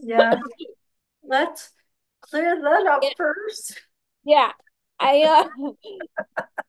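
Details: Ataxic dysarthria in an adult with ataxia who reports speech difficulty and a lot of work on pronouncing words.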